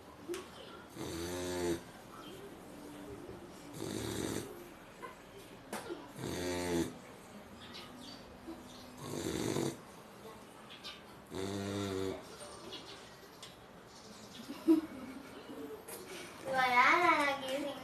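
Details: American bully (pocket/exotic bully) dog sleeping: regular rattling, buzzy snores roughly every 2.5 seconds, about 24 a minute, alternating with softer breaths out; snoring.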